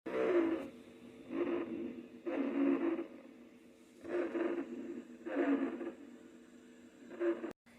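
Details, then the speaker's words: Rhonchi: low-pitched, irregular snoring and rattling breath sounds over six breath phases, caused by abundant bronchial secretions and typically disappearing after a cough. "mos ahora con el ronco esta es consecuencia de la presencia abundante de secreciones bronquiales este es ausculta como un sonido irregular que característicamente desaparece cuando el paciente 12"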